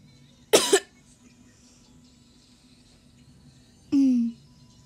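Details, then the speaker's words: Person coughing hard from laughing at a video: a sharp double cough burst, then a short voiced laugh-like sound, in a quiet room. "but that's so funny when the mom did it i'm literal coughing so hard"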